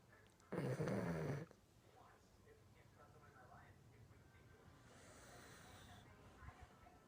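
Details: Sleeping dog snoring: one loud rattling snore on an in-breath, then quieter breathing with a fainter second snore.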